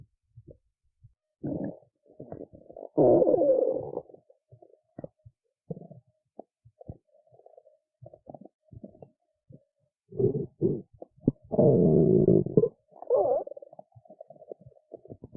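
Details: Gurgling, squeaky rumbles and long drawn-out growls in irregular bursts with quiet gaps, from the belly of a woman who skipped lunch and is hungry; normal hunger stomach rumbling (borborygmi).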